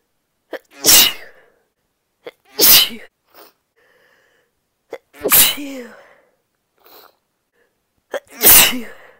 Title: 30 second of induced sniffles and sneezes (F) (some stifled)